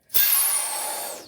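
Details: Suction regulator on a vacuum setup with suction canister, turned to max vacuum during a leak test for a teaching demonstration: loud hissing rush at full vacuum, winding down as it is switched off.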